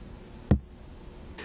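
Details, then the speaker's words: Manual blood pressure measurement, with the stethoscope diaphragm over the brachial artery as the cuff deflates: a single soft, low thump over a quiet hiss; first Korotkoff sound, marking the systolic reading. "watch the monometer and note the reading when you hear the first karat cough sound it will sound like"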